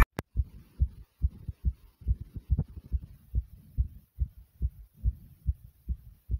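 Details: Person's own heartbeat right after several exercises: loud, rapid, regular, forceful thumps at roughly 140 beats a minute, a fast post-exercise heartbeat.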